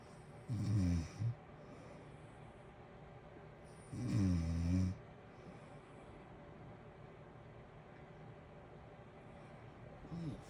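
Low rattling snores on breathing in, a few seconds apart, over steady heater hiss.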